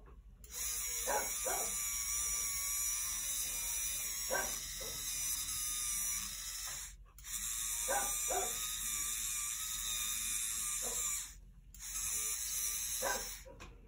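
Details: Dental prophy polisher running during canine (dog) dental polishing, starting on back teeth, cup refilled with polish about every tooth; steady high-pitched motor whine, briefly stopping twice, faint clinking against teeth.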